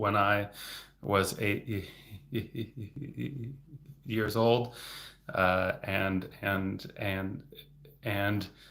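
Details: Adult man, a speech-language pathologist, who has stuttered since age eight; repetitions audible; stuttering.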